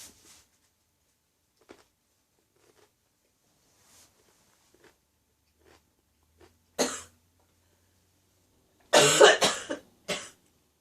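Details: Adult woman's persistent ongoing cough, described as gone tickly: a few short, dry-sounding coughs after faint quiet sounds.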